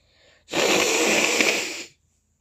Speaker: my nose is so annoying I'm sneezing the whole time um so I'm going to show you some sneezes of mine